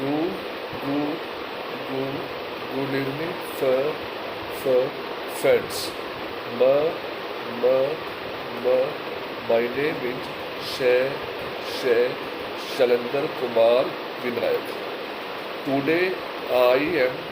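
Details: Adult male speaker; stammering.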